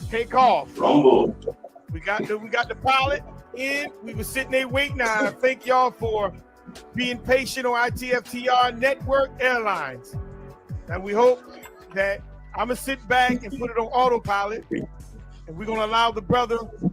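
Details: Adult male speaker; normal speech.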